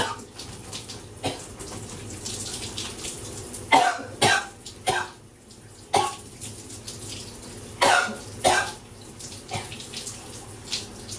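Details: Person with a throat bug coughing while showering: bouts of short harsh coughs in clusters over running shower water; repeated coughing fits.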